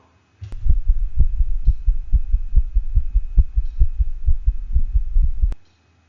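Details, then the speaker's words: Normal dog heart sounds recorded at the heart apex: regular paired low thumps with S1 slightly louder than S2. "let's go ahead and listen first to a normal heart sounds from a dog"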